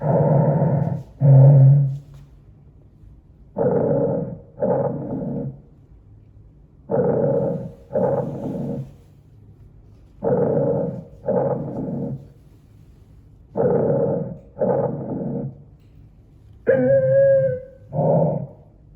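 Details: Loud paired breath sounds through a stethoscope over the posterior chest, each in-breath followed by an out-breath, about 6 cycles; lung auscultation from behind.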